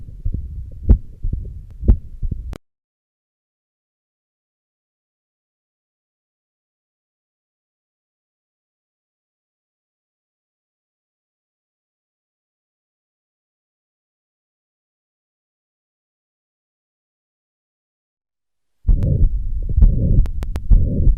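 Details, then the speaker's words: Mitral stenosis mid-diastolic murmur heard with the stethoscope bell, patient turned to the left lateral position: a low-pitched rumbling murmur with typical presystolic accentuation. "if you hear long enough the typical pre-systolic accentuation and the low pitch rumbling mid-dash like murmur can be clearly heard as in this patient"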